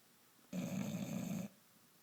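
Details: A bulldog snoring very loudly: a single loud, rough, low-pitched rattling breath lasting about a second.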